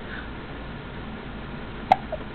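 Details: Playing on the bed with hiccups: one sharp hiccup, then a fainter second one, over steady room noise.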